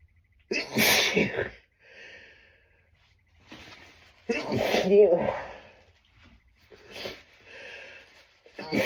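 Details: Adult, very sneezy from tree pollen, trying to stifle sneezes too strong to hold back: two strong, partly held-back sneezes with breathy build-ups and quieter stifled bursts between them.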